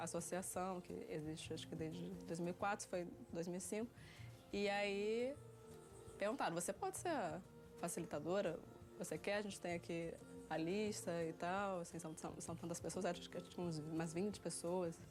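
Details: Stuttering since early childhood in a 30-year-old woman, worsening around age 7, relapse after speech therapy, unable to say a sentence at about 9; mainly blocks on anticipated words rather than repetitions.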